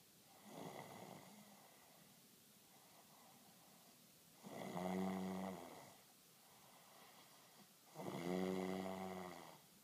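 Loud rattling snores on the in-breath, about three in ten seconds, with quiet breathing between them; ordinary snoring.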